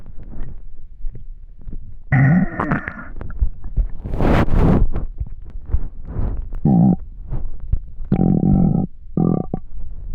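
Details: Extremely hungry stomach: loud, low gurgling and rumbling with bubbly pops and short groaning tones; stomach growling, bowel sounds (borborygmi).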